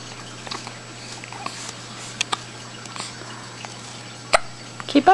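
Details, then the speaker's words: Three-week, two-day-old infant with a few abrupt, catchy hiccups over a steady background hum; hiccups. "You're saying, no, not again. Hiccups are no fun. They're annoying."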